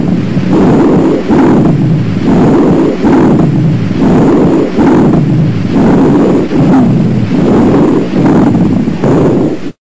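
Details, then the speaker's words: Educational auscultation recording of rhonchi: loud, low-pitched snoring rumbles running through repeated breaths, lower pitched than hissing wheezes. "wheezes are relatively high pitched and have a hissing or shrill quality roncai have a lower pitched snoring quality"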